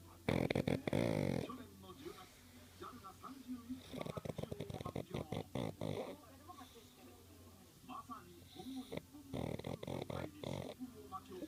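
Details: 6-year-old male pug snoring in sleep, a lifelong snorer who sometimes "laughs" while sleeping: irregular snorting and rattling noises, with quieter wheezy breaths between louder snorts.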